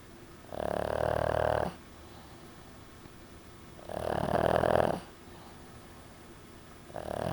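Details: Loud, rattling snores from a sleeping pug, in long drawn bursts about every three seconds with quiet pauses between: snoring.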